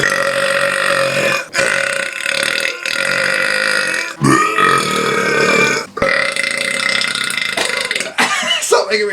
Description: random video of me burping like a bitch